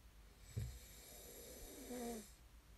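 A low, rough snort followed by a drawn-out, slightly tonal snore on the breath in, over quiet room noise. Ordinary snoring.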